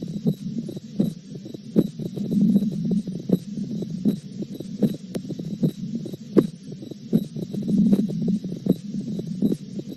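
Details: Teaching recording of heart sounds at about 78 a minute with a doubled second sound, presented as paradoxical splitting of S2.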